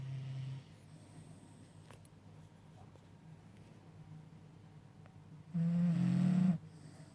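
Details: Staffie Twyla sleeping with tongue out, breathing quietly with two brief low snoring sounds, one short and one louder; snoring.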